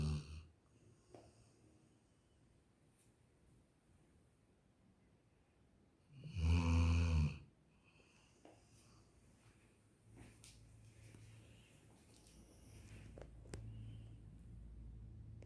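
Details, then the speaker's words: One loud, low rumbling snore between long quiet stretches from a sleeping Labrador dog, with a heater running and faint room hum; dog snoring. "Hello friends, देखिए किस तरीके से हनी सो रहा है खर्राटे लेते हुए।"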